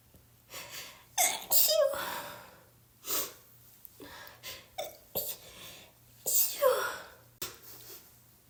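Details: Person with a cold, sneezing constantly, sneezes self-induced for relief: several sharp sneezes in a row with breaths and gasps between them; repeated sneezing with a cold.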